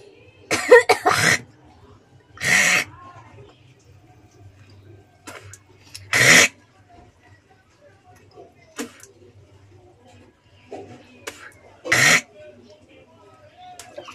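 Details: Four harsh, loud coughs over about fourteen seconds, with throat clearing, hawking and spitting between them; cough.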